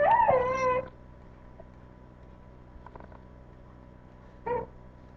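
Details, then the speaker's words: Two brief, high, wavering cries from an infant in the background of a quiet room during a math lesson; infant crying. "sorry this is rough because you can hear my baby crying so I'm going to try to get through this really quickly"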